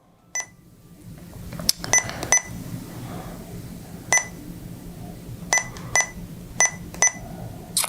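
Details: Short sharp keypad beeps at irregular intervals over room hum, about ten in eight seconds: keypress confirmations while an Eitan Sapphire multi-therapy infusion pump is programmed for lidocaine 4 mg/mL from the drug library, with patient weight and dosing parameters being entered.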